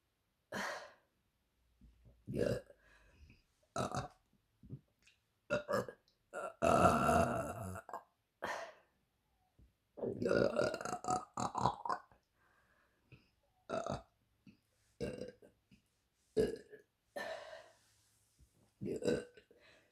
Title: Queen of burps 😉😉😉